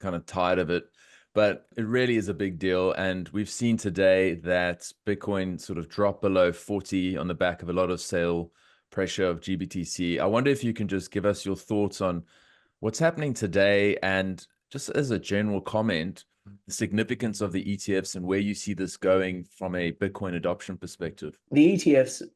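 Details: Adult male speaker; Normal speech.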